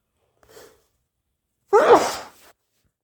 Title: powerful and wet price tag sneezes